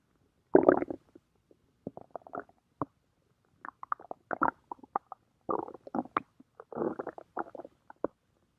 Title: stomach growling